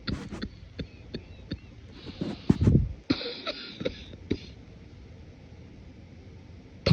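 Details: Morning cough, deliberately suppressed: several short, muffled, low coughs in quick bursts with congested, wet quality; cough.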